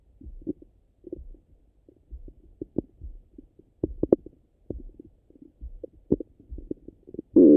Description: My stomach got really rumbly after my breakfast. Hope you guys enjoy.